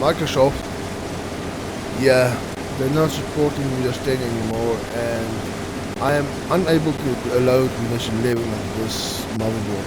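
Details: Man with stuttering, which he reports is worse than usual after a triple ear infection over the last two weeks.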